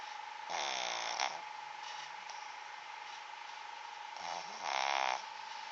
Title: snoring pt. II